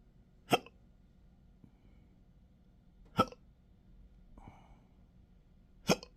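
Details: Intractable hiccups since December 9, 2015, with breathing and choking spasms, belching and developing type III achalasia, occurring in daily 12-hour episodes: three sharp hiccups about every 2.5 seconds (around 22 per minute), quiet room.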